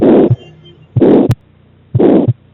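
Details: Pediatric ejection systolic murmur: a harsh rushing murmur after each first heart sound, ending before a short second sound.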